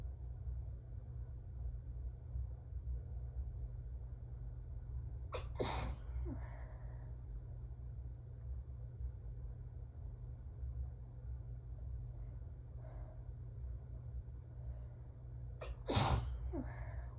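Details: Person in an allergy sneezing fit, continuing after blowing the nose with a burning feeling: two sharp sneezes, each preceded by a quick indrawn breath, against a steady low room hum.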